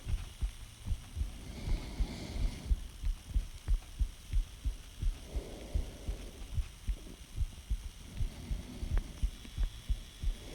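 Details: Self-recorded heartbeat taken by a partner, mainly heart rate rather than clear heart sounds; the heart beats faster on each breath in and the poster asks if that is normal: respiratory sinus arrhythmia.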